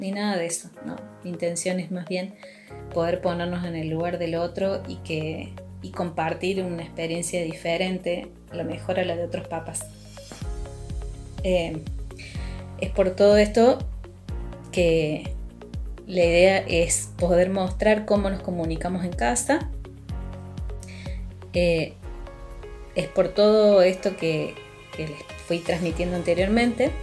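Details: Adult speaker; ordinary speech.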